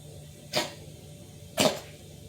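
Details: Two short, harsh, airy coughing bursts about a second apart in a quiet room from a kitten.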